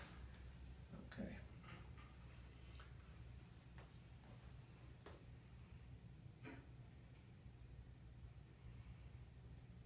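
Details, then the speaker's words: Bowel sounds heard in all four quadrants on abdominal exam of a lying patient who seems a little hungry: soft, scattered brief gurgles and clicks over a low steady hum, normal bowel sounds. "You got bowel sounds in all four quadrants, which is normal."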